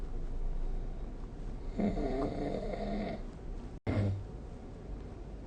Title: 🐽 Snoring Sleep Sound / いびきの音